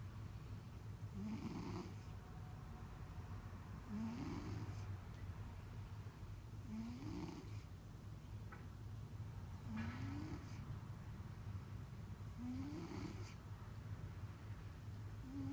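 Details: Stertor recorded at close range from the nose of one of four pets aged 7 to 16 years: loud rattling nasal snore-like noises with each breath, about 22 breaths a minute.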